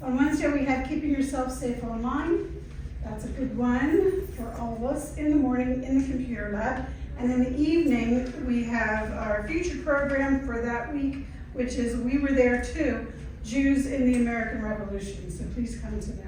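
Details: Adult woman; typical speech.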